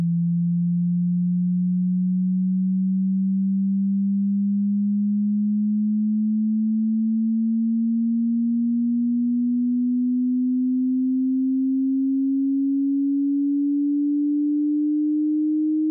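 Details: Tinnitus pitch-matching frequency sweep running from the lowest audible tone to the highest, with a digital indicator for each tone, meant for headphones in a quiet room.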